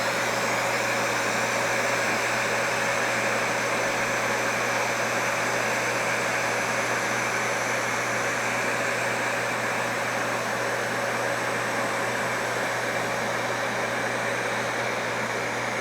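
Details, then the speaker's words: Non-ablative Fraxel fractional laser treatment of a man's face after numbing cream: steady loud hiss of cold-air cooling with a faint hum as the handpiece glides over skin firing laser dots; fractional laser with cold-air skin cooling. "so this laser hand piece here glides along the skin and it will only fire when it is contact with skin and the foot pedal is depressed and it will create a little pattern of laser dots which you may not be able to see"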